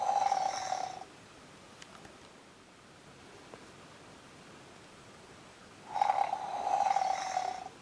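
Two rough, rattling snores about five seconds apart, separated by quiet breathing: snoring in a sleeping pet.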